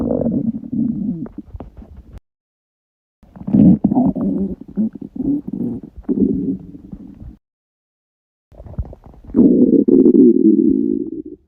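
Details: Stomach rumbling after a 48-hour fast: long, loud gurgling and rumbling runs from the belly with brief quiet gaps; borborygmi from an empty gut.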